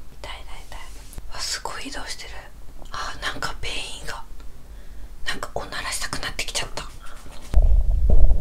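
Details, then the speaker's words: Woman on a 7-day fast after holiday overeating, very hungry in the early fasting days: irregular gurgling, bubbling stomach rumbles with squeaky, shifting-pitch sweeps amid construction noise, ending in a loud handling thump. Active hunger bowel sounds (borborygmi). ""ดูเหมือนท้องของฉันจะประสานกับเสียงการก่อสร้างที่ดังกระหึ่ม""ดู!"."เอ๊ะ!ฉันได้ยินเสียงก่อสร้างดังมาจากท้องของฉัน!""ท้องของฉันเลียนเสียงการก่อสร้างหรือเปล่า""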